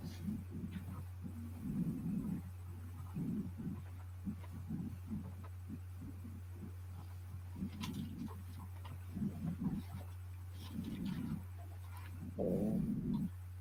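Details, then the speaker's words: Low, irregular rumbling and gurgling bursts over a steady electrical hum, heard and remarked on by a nearby person during a live broadcast. Audible stomach growling (borborygmi). "Is that your stomach growling? Oh, did you hear that? It just did just a little bit."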